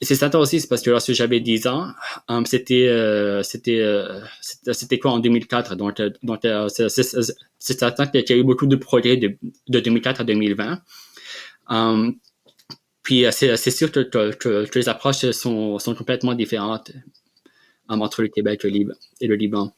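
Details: Adult man who has stuttered since childhood and has received speech therapy interventions; stuttering.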